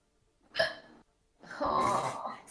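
A sudden sharp gasping hiccup followed by a longer vocal sound; a hiccup.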